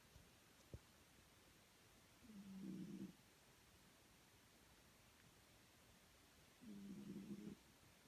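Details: Snoring in a sleeping pet: two soft, low rumbling snores, each about a second long and several seconds apart, over quiet room hiss.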